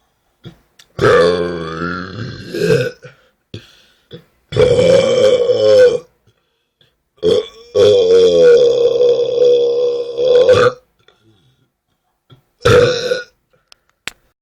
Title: My New Burps Video 2013 / Mi Nuevo Video de Eructos 2013